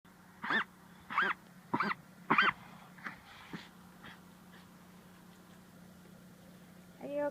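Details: Miniature dachshund with vet-diagnosed bronchitis, later treated with antibiotics and dog cough syrup; four harsh, wheezy coughing bursts, then several fainter ones; wheezing cough.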